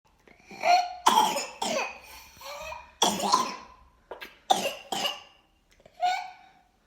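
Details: A child with whooping cough (pertussis) and a runny nose: a run of about eight rapid coughs with strained breaths between, a paroxysmal coughing fit.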